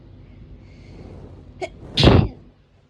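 A short in-breath, then one loud explosive sneeze; an allergic hay fever sneeze, with faint room noise.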